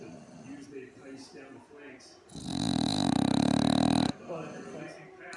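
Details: Sleeping pug giving one long, loud, rattling snore, with televised sports commentary in the background: snoring.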